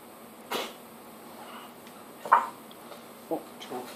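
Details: A few short, dry, hacking coughs from an asthmatic cat in a quiet room, early signs of feline asthma; prednisolone was tried but coughing returned; now controlled with daily beclomethasone inhalations in heating season.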